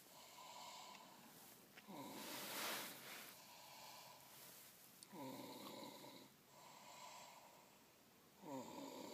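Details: Snoring: slow, repeated rattling snores on each breath, about three in nine seconds, in a quiet room.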